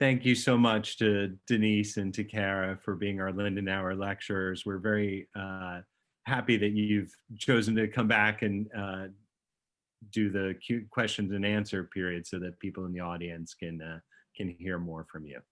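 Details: Adult speaker; typical speech.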